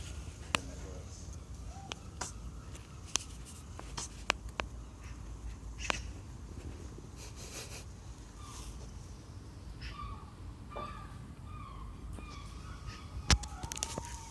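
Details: A hen named Swain gives several brief, sharp, click-like coughs over steady background noise, with soft clucking between them; cough in a chicken.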